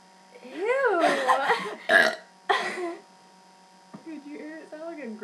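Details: A long, loud, rumbling belch followed by two shorter burps, then brief speech; deliberate burping.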